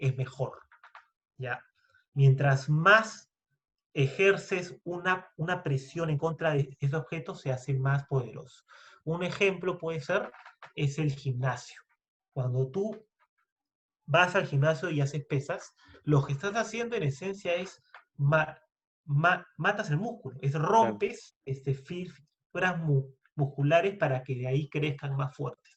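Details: Stuttering in a Spanish-speaking man who identifies himself as a person who stutters, speaking in a podcast conversation about stuttering.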